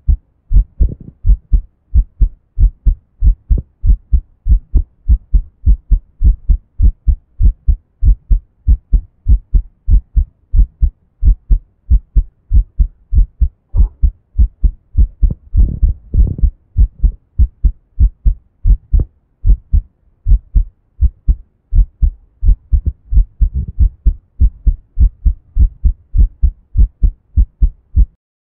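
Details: Adult's own heartbeat recorded for the first time, close to the chest: a steady run of deep, low thumps.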